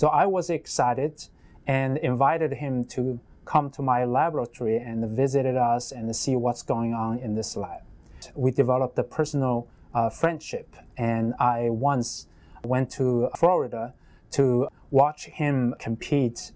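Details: Adult male speaker; normal speech.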